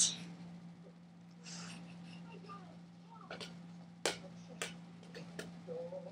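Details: Loud hiccups from a mother: several abrupt, brief catches at irregular intervals over a steady room hum while she plays catch.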